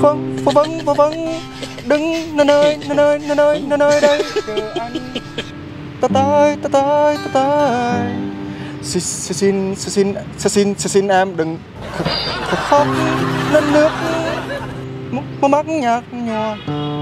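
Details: Acted stuttering by a young man in a prank video, singing with repeated sounds and syllables: stuttering (acted)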